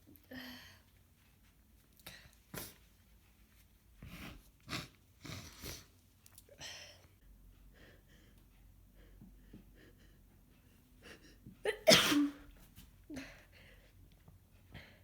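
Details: Congested, snotty head cold of a few days: repeated sniffs and snuffly nasal breaths, then a strong sneeze burst; congested, runny-nosed sneezing and sniffling from a common cold.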